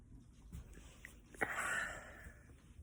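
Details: A person at home, feeling very sneezy at the fall equinox, gives a single sharp sneeze followed by a brief hissing outflow of air in a quiet room.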